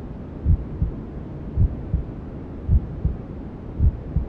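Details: Mother's heartbeat as heard from inside the womb, mixed with white noise for settling a newborn: soft paired thumps at about 54 per minute under a steady hiss; a slow, regular, normal heartbeat.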